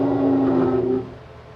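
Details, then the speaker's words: Lung sound example of a wheeze: a steady musical, whistling tone through one breath, fading at the end, from airway narrowing, as in asthma; also heard in smokers, emphysema, COPD and bronchitis. "Next naman, huni. Pag nakarinig kayo ng ganitong tunog, parinig natin, huni. Ano? Parang musical instrument."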